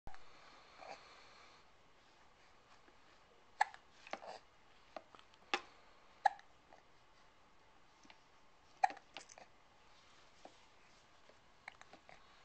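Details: Hiccups recorded on a Flip Video camcorder: sharp, brief hiccup sounds recurring irregularly, several in about twelve seconds, in a quiet room.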